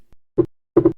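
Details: Wide splitting of S2 in right bundle branch block, with respiratory variation: one heart cycle with a single first sound, then a second sound clearly split into two close taps.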